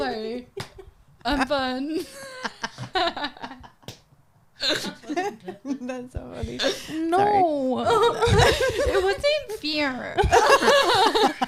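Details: 26-year-old woman with Friedreich's ataxia, a progressive genetic nervous system disease affecting her coordination and walking; ataxic dysarthria.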